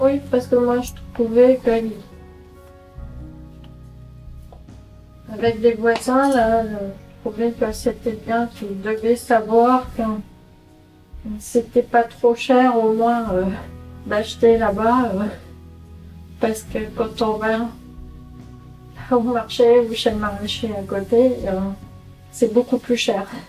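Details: 48-year-old woman with semantic variant primary progressive aphasia, a rare Alzheimer-related disease; semantic variant primary progressive aphasia.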